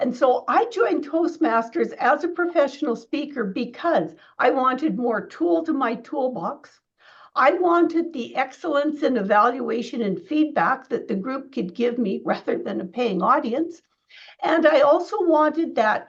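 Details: Adult woman speaking; ordinary speech.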